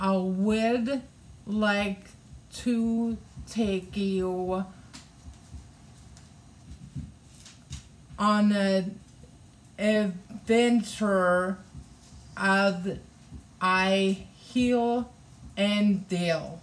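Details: Adult woman with aphasia after a hemorrhagic stroke in May 2020 that also caused right-sided hemiparesis and required brain surgery and an ICU stay; aphasia also affects her reading and writing; non-fluent, halting speech; aphasia.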